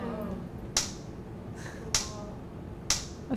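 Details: Three sharp cracking clicks about a second apart: single pulses from a transcranial magnetic stimulation coil held over the head, targeting the hand area of motor cortex in a live demo, producing subtle finger twitches.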